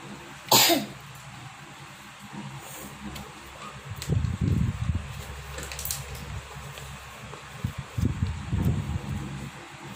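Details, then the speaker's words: Child with a cold and cough: several brief low coughs and throat clearings over room noise; cough. "Guys, aku lagi pilek sama batuk juga, batuk pilek guys aku."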